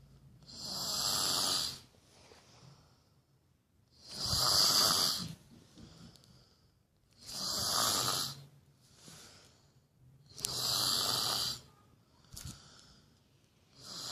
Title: My sister snoring so funny must watch